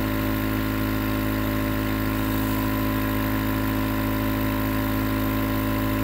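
Steady mechanical hum with a fast, even buzzing pulse from a running nebulizer compressor.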